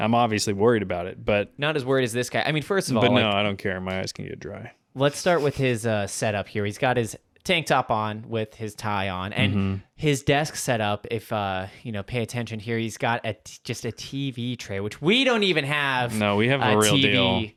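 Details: Adult man; normal speech.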